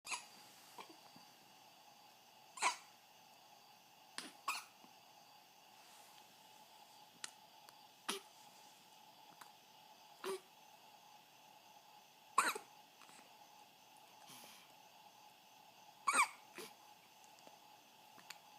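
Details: Hiccups at 2:30 AM: brief, sharp catching sounds at irregular intervals, about 16 a minute, over a quiet background.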